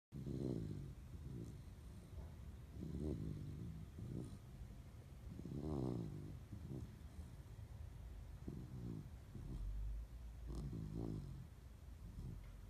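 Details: German Shepherd puppy sleeping with a snoring problem: repeated low, rattling snores with snorting breaths, some irregular, over steady room noise.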